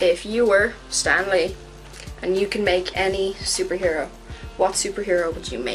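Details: Adult speaker; normal speech.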